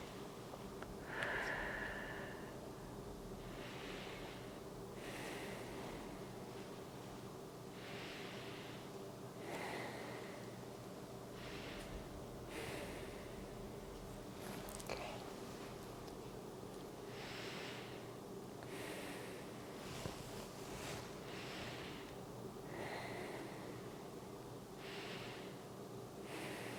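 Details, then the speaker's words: Slow, deep breaths in and out on request during a lung auscultation in a real-person head-to-toe checkup of an adult woman; even and unobstructed, with lung fields clear, no wheezes, rales, rhonchi or adventitious sounds. "So all the lung fields that I've listened to so far appear to be clear. No wheezing or rales or rhonchi, no adventitious sounds."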